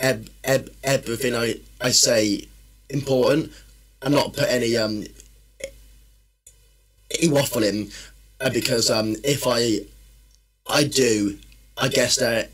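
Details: Man, a personal trainer and former army medic, with a stammer since childhood that worsens when he is tired, stressed or nervous; stuttering.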